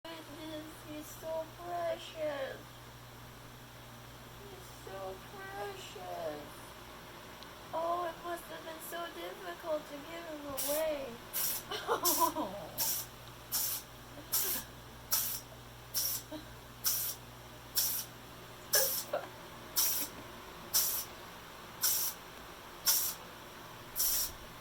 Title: Kitten sneezing attack